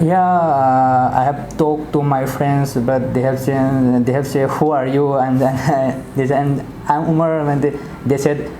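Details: 22-year-old man with stammering since childhood, recorded after 1 week of speech therapy and reporting improvement; stuttering.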